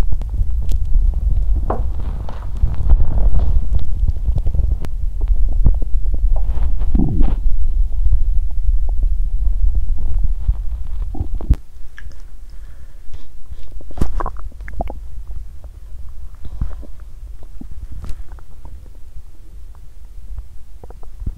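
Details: Stomach growling and digestion sounds from a person who exercised on an empty stomach and felt unwell afterwards; bowel sounds (borborygmi).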